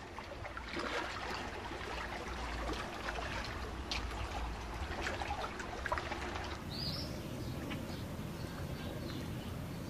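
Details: Simulated tinnitus, one of several examples of what ringing in the ears can sound like: a steady, continuous rushing, hissing noise with no pauses.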